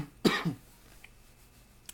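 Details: One short, harsh adult cough burst, then quiet room noise, from a speaker struggling to hold back coughs while talking: cough.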